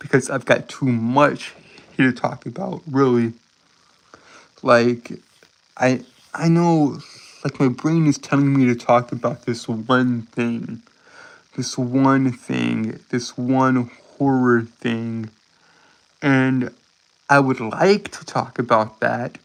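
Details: Adult man who reports a speech impediment causing stuttering and tripping over his words. Finding: stuttering.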